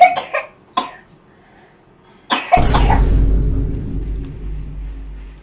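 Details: A quick run of harsh coughs, another cough, then a final cough followed by loud rumbling noise; a young man coughing, with a friend checking on him.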